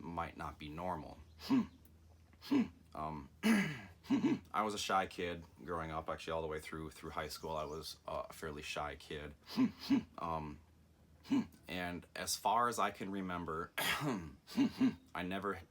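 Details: Adult man with Tourette syndrome, a genetic neurological disorder inherited from his father's side, with facial, shoulder and vocal tics more severe now than in childhood; repeated 'mm-hmm' and 'hmm' interjections heard; vocal tics (Tourette syndrome).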